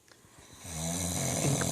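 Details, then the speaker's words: Loud snoring of a sleeping adult man (the father) at 2 a.m., keeping the family awake: a single loud, low, buzzing snore building over about a second. "we are sitting here and can't sleep because daddy is snoring so loud"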